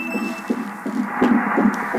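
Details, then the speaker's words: Fetal heartbeat on ultrasound Doppler at about 13 weeks, crown-rump length 6.4 cm, in an unplanned second pregnancy: rapid rhythmic whooshing pulses with some background noise; the doctor says the heart is beating well and the rate is good. "아, 심장 소리 저거 진짜 들을 때 눈물 나지. 울컥울컥. 심장 잘 뛰고 있고요. 박동수 좋아요."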